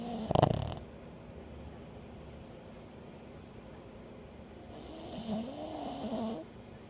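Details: Animal snoring: a snort, then a soft, wavering snore on a breath in.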